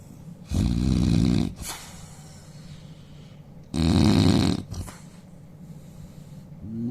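Two loud, rough, rattling snores about three seconds apart, with quieter breathing between them. Heavy snoring.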